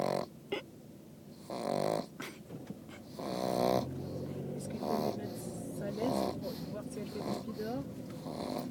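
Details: New pug puppy asleep on the way home: snorting, snuffly breathing sounds with people talking in the background; snoring.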